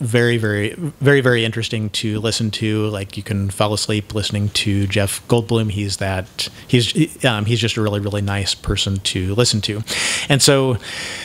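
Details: Adult man who self-identifies as having cluttering, real cluttering.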